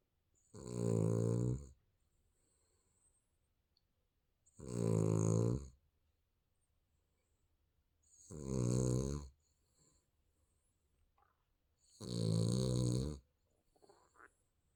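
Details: Sleeping baby snoring: four evenly spaced snoring breaths, about one every 3.7 seconds (16 a minute), with quiet pauses between.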